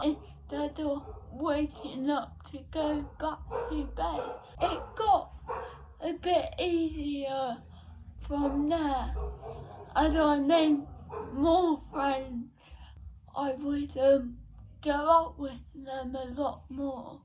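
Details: 17-year-old female with cerebral palsy since birth, diagnosed at 14 months, which she says affects her speech; speech therapy from an early age; dysarthria (cerebral palsy).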